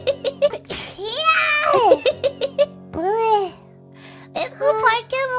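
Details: Sneeze.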